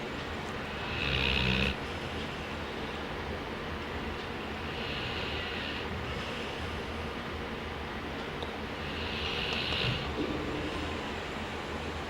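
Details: Man snoring during sleep: three rasping snores about every four seconds over steady low background noise.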